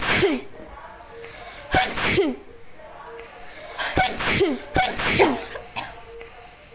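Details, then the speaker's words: Woman doing a sneezing challenge: a series of five or six sharp, explosive sneezes, several preceded by a short breathy intake; sneezing set off by chili powder. "लिए इसे try करके देखते हैं इस हुए ज्यादा छींक आती है फाइनल देखते हैं कितना आने वाली है"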